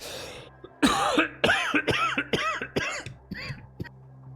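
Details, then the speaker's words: Person coughs after talking too long and trying to suppress it: a fit of about seven rough, dry coughs in quick succession, tailing off, described as rough but clean, over faint background hum: cough. "and that's what happens if i talk for too long and try to suppress it"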